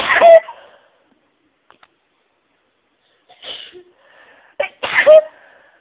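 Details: A sneezing fit triggered by listening to other sneezes. Two loud explosive sneezes with a sharp intake of breath before the second.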